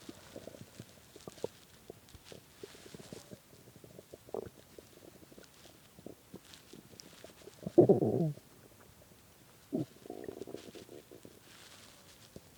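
Faint crackling gurgles build to a loud low growl near the end, then a softer rumble: hungry stomach growling, a normal gut sound.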